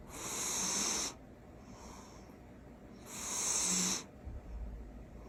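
Two loud, hissing, wheezy breath sounds about three seconds apart during sleep; snoring in a cat, harmless.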